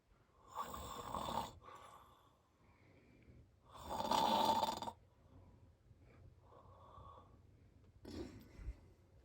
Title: My dad snoring really loud